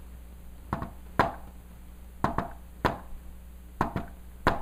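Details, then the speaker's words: Hand taps imitating an S4 gallop, "Tennessee" rhythm: a soft fourth heart sound just before the first sound, so close to S1 it may go unnoticed, then the second sound. "Now, S4 is so close to S1 that when I do it really fast, you might not even notice."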